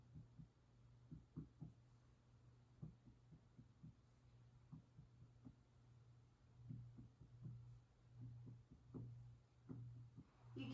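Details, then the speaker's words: Abdominal percussion during a head-to-toe assessment by an FNP student: irregular finger taps, dull flat notes over the liver and spleen, and hollow tympanic notes over the air-filled stomach. "hear the dullness of the liver in the spleen and also notice the tympanic sound of the stomach the air filled spaces"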